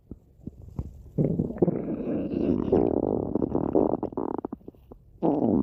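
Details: Long, loud, drawn-out rumbling and gurgling from the belly: ordinary stomach growling (borborygmi) from gas and fluid moving through the gut.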